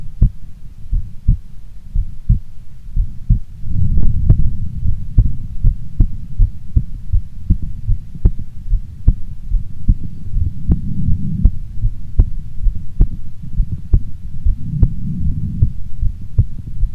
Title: Female Heartbeat Sound Before Sleep - Long File